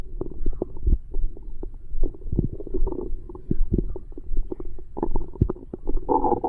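Continuous low gurgling and rumbling with bubbly pops, an audible stomach growl of active digestion after a meal.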